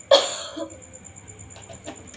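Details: A child taught effective coughing by a nursing student, one hand on the abdomen: inhale, hold, then one strong, forceful cough, then quiet breathing; a deliberate effective cough to clear accumulated airway secretions.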